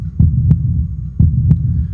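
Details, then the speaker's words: Own heartbeat heard through a homemade funnel-and-tube stethoscope placed left of the sternum below the collarbone: two steady lub-dub beats at about 60 a minute over a low hum; normal heartbeat. "Now place the broad end of the funnel on the heart side and the tube in the ear and listen carefully. It might take a little while to focus and adjust to the sound. It sounds like this."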